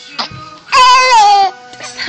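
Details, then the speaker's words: Infant with hiccups gives a brief high-pitched wail of under a second, with an adult soothing voice nearby and background music. "don't cry it's just the his you smile"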